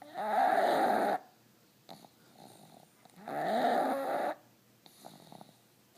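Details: Sleeping pug, twitching, with loud, rough, rattling snores on each in-breath and quieter snuffling out-breaths, about 20 breaths a minute; snoring.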